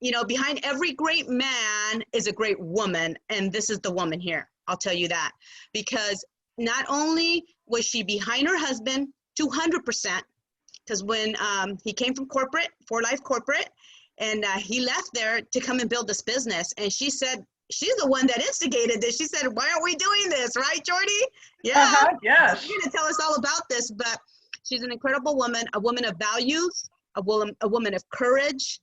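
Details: Adult speaker; typical speech.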